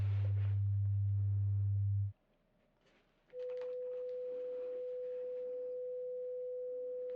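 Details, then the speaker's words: Simulated ASMR role-play pure tone audiometry via headphones, tones in both ears, listener raising hand on hearing: a low steady tone stops, then after a pause a mid-pitch steady tone plays. "so you just raise your hand on whichever side when you hear the tone okay are you ready here we go"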